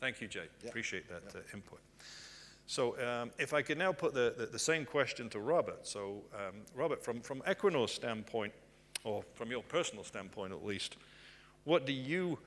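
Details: Adult male speaker; normal conversational speech.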